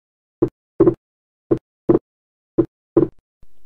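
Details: Slow heartbeat about 56 a minute with wide, persistent, not fixed splitting of S2 in every beat, from right bundle branch block; the components remain separated and do not fuse during expiration.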